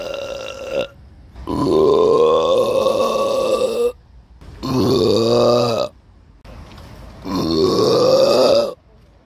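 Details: Three long, loud, voiced belches with croaking vibration, each about two seconds, separated by short pauses, recorded on a Samsung Galaxy S9 phone; repeated burping.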